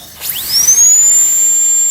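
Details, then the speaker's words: High-speed dental handpiece with a delicate bur starting on the distal side of tooth #46 on a phantom head for a full metal crown: drill spins up to a steady piercing whine, bur parallel to the long axis. "See, first make a small straight line. And then just go slowly and keep the burr parallel to the long axis."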